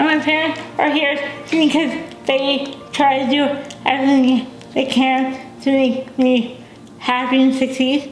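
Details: Dysarthria in a young adult woman with cerebral palsy, a brain injury before birth. She uses a wheelchair, cannot walk, has limited fine motor skills, and says she is sometimes hard to understand.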